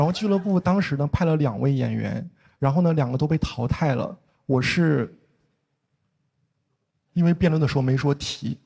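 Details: Male stand-up comedian who says he has a stutter, performing in Mandarin Chinese; stuttering.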